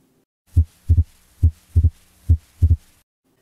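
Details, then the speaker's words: Split S2 by stethoscope, best heard at the pulmonic area: regular heartbeat near 70 a minute with the second sound split into two close clicks, contrasted with S3. "let's hear the third heart sound and split s2 sounds again so this is third sound and this one is split s2"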